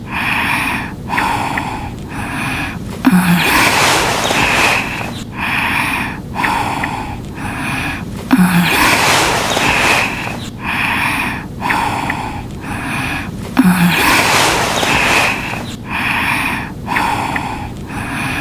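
Slow, repeating snore cycles, about 11 a minute, each with a snorting inhalation and whistling tones; looped game sound effect of snoring.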